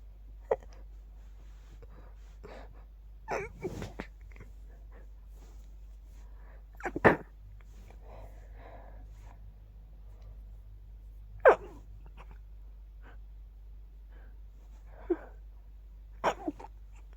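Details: Adult with an itchy sneeze attack at night, suppressing sneezes to stay quiet beside a sleeping partner: about six short, muffled, held-back sneezes in rapid succession in a quiet room; stifled sneezing.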